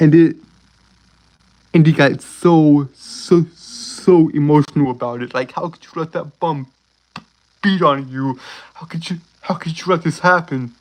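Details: Male speaker with a self-reported uncontrollable speech impediment, worse on words starting with s and when excited; stuttering.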